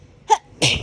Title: My hayfever sneezes compilation